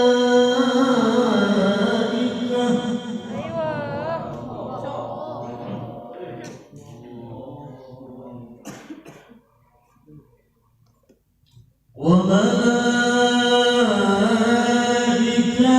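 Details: Qur'an reciter at a haflah event coughing mid-recitation: the sung recitation breaks off for a few coughs and a pause, then the chanting resumes.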